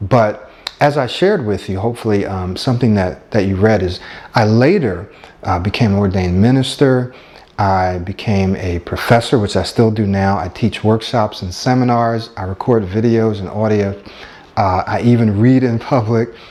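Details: Adult man speaking; Fluent speech.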